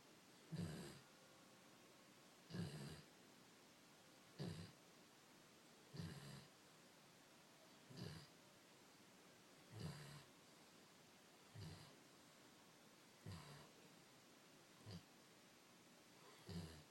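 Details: 108 lb dog snoring: regular rough snoring sounds, about nine over seventeen seconds, near 32 breaths a minute, over quiet room noise.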